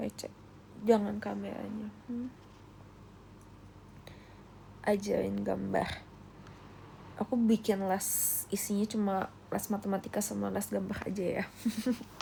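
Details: Adult female Indonesian speaker with self-reported real rhotacism ('cadel' with R), where word-initial R cannot be produced and word-final R can only be forced: rhotacism.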